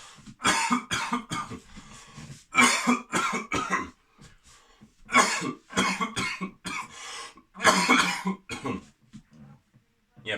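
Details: Coughing from an adult man, demonstrated as a home ab-workout; cough.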